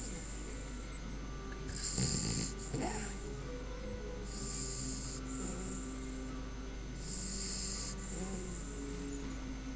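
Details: Soft, low rumbling snores in uneven rhythm over steady hum and faint music, recorded 18 August; snoring.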